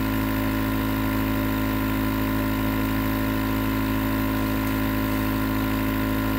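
Steady mechanical hum with a low buzzing drone and constant hiss, typical of a running nebulizer compressor.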